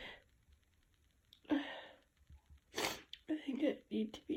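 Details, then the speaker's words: Adult female sick with a cold, congestion and a tickly nose, sneezing induced with chhinkni: sniffs and breathy build-ups, then two forceful wet vocal sneeze bursts; sneeze. "It's teasy. Oh, I can feel it building, but wait. Oh. Oh, there we go. Oh my god, they're so big."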